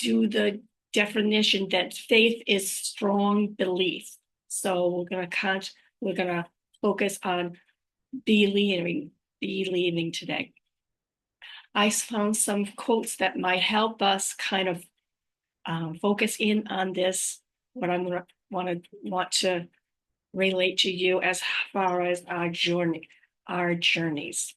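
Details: Adult woman with aphasia after a stroke, also living with apraxia of speech and dysarthria, recorded unedited on a good day, usually in the morning before fatigue; aphasia.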